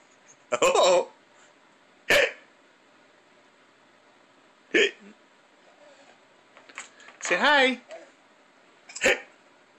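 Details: Hiccups with laughter: short, sharp, voiced catches at irregular intervals, about six in ten seconds, some running into laughter.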